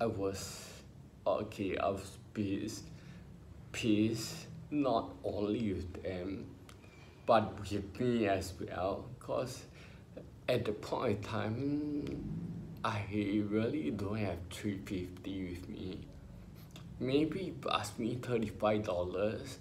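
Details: Ataxic dysarthria in an adult man with spinocerebellar ataxia, diagnosed by a neurologist about 20 years ago after trembling hands and an unsteady walk.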